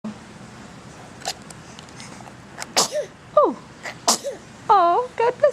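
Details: Three-month-old infant sneezing: several small, sharp sneeze bursts with soft infant vocal sounds between them.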